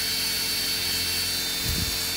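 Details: Steady high-pitched whirring of a rotary podiatry burr filing hard skin and callus around a big deep foot corn in a returning patient.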